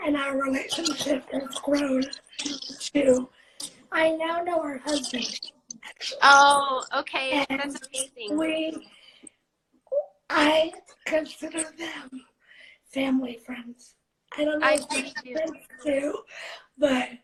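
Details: 17-year-old living with cerebral palsy, speaking spontaneously in a live interview; dysarthric speech in cerebral palsy.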